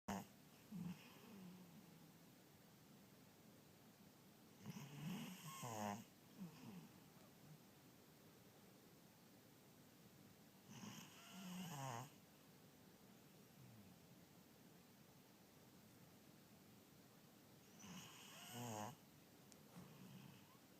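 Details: Snoring: three loud rattling snores with quieter breathing between, roughly every six to seven seconds, in a quiet room.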